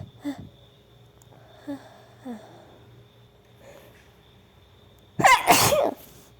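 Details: Female in a run of 21 rapid sneezes: a few soft breathy sounds, then one loud explosive sneeze near the end, steady room hum behind.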